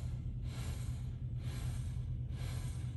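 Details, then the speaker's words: CPAP machine running on a hot-water-bottle hack to fake compliance: an elastic bottle inflates and deflates instead of a patient. Steady low blower hum, with airflow swelling and fading about three times in three seconds, faster than normal breathing. "you go wow that's breathing way faster than i do that machine's gonna tell on me no it won't"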